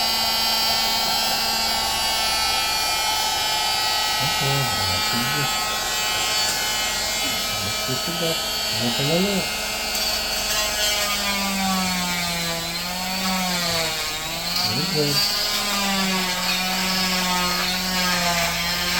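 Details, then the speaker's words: Steady high buzzing whine of an oscillating cast saw removing a child's cast, which only vibrates and warms rather than cuts skin, with talking in the room. "Vibration lumayo lumalayo ka doun sa kalalayo nag-vibrate lang siya"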